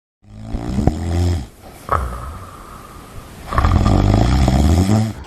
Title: Sleep Apnea